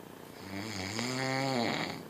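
A single long, buzzing, low-pitched snore that rises and then stops, with a rattling quality. Snoring.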